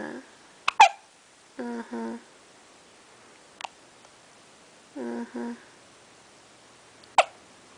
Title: baby got hiccups.